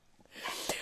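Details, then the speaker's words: A pet rooster sneezes: a quick, sharp burst of air in a quiet room; owner suspects he ate a treat too fast. "Oh, he just sneezed. Did you hear that? I've never heard a rooster sneeze."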